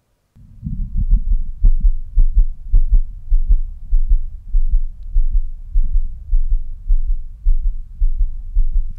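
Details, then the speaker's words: Regular low pulse thumps with no added whooshing bruit, self-recorded by a medical student with a Stemoscope Bluetooth stethoscope chestpiece in bell mode over his own carotid artery: carotid auscultation without bruit. "so we're back on the Bell mode now I'm just going to place it over my carotid artery see if we can hear any bruit"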